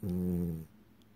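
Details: Sleeping French bulldog, flat snubby nose, in REM sleep: a single low, buzzing snore of about half a second, then quiet breathing; snoring.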